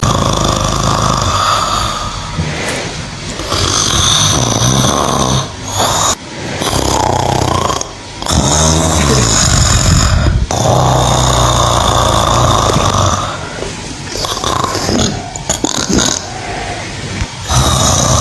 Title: snoring cow #shorts #viralshorts #youtube